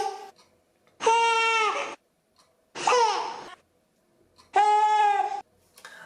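Three short infant cry bursts with an 'eh' quality, the 'Heh' discomfort cry.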